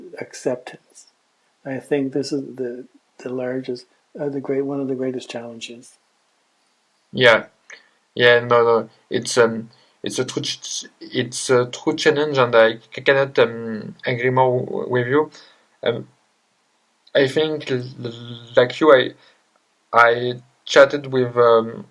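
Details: Adult man who grew up with severe stuttering plus dysgraphia, dyspraxia and ADHD, speaking English with word repetitions and hesitations: stuttering.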